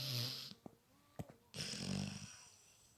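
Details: Snoring during sleep: two rough, rattling breaths with a snort between them.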